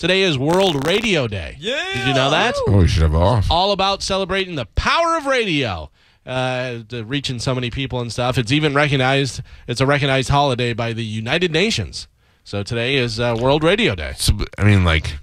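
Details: Adult man; Normal speech.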